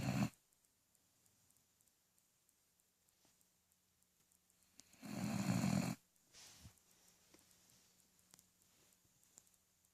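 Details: A sister snoring: two loud, rattling snores about five seconds apart, with quiet breathing between them in a small, still room.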